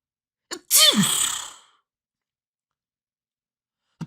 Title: SONIDOS DE ESTORNUDOS | SNEEZE SOUNDS